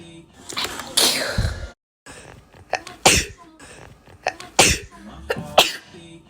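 A series of sharp, explosive sneezes, about five in six seconds, with quick breaths in between: repeated sneezing.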